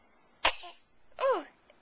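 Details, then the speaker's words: Infant sneeze-cough recorded on a Flip Video camcorder: a sudden sharp sneeze-like burst, then a short voiced cough a moment later. "is that a sneeze cough?"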